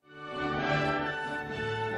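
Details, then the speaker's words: Hearing-loss simulation, normal-hearing reference: full, clear orchestral music with bright highs and rich lows, as heard with normal hearing (≤25 dB), played for comparison with mild, moderate and severe hearing loss. "지금 나오는 음악은 이제 장 상인이 듣는 소리 라고 보시면 되요"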